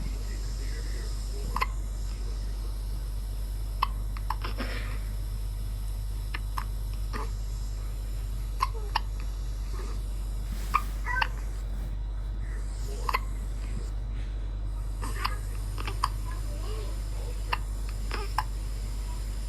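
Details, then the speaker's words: An infant with laryngomalacia, where the upper voice box tissues collapse on breathing in, makes brief squeaky, hiccup-like catches on each in-breath over a steady low hum: inspiratory stridor. "It occurs when the child breathes in and presence with a squeaky or hiccup type sound when the child inhales. This sound is called inspiratory stridor."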